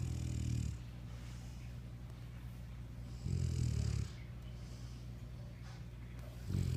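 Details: A sleeping female dog snores loudly: low rumbling snores about every three seconds with quiet breathing between.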